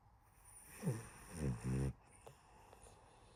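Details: Sleeping cat snoring: soft, short snoring rumbles on a few breaths, fading into quiet breathing; ordinary gentle snoring.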